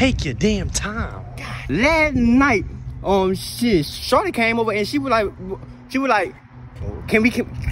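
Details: Acted stuttering in a comedy skit portraying a friend who always stutters.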